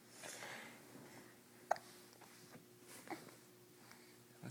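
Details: Young child, filmed while a parent talks to them, gives two soft, abrupt hiccups a little over a second apart in a quiet room; hiccups.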